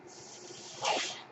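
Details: Podcaster's mechanical ventilator breath cycle heard while he speaks: steady airy hiss, then a brief rushing puff of air.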